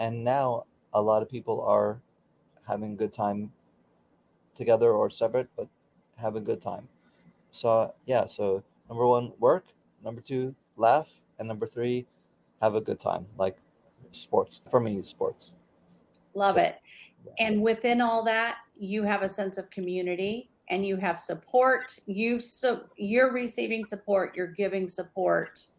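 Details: Aphasia for about 16 years after a stroke during surgery, with right arm and leg affected, in a man still working daily with speech pathology.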